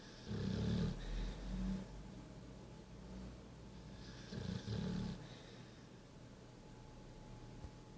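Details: Sleeping pitbull dog snoring: two low, rumbling snores about four seconds apart over a hum of room noise.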